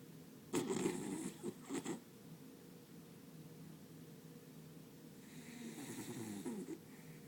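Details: Sleeping beagle snoring while dreaming: two rough, fluttering snores several seconds apart over a steady quiet room hum.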